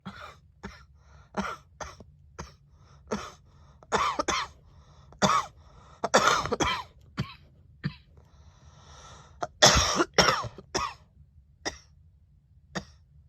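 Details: Girl coughing: a run of harsh coughs, some single and some in quick clusters, with short quiet pauses between them.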